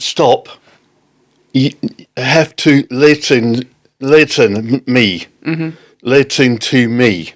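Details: Adult man with non-fluent aphasia after a stroke in October 2019, affecting speaking, reading and writing; non-fluent aphasia.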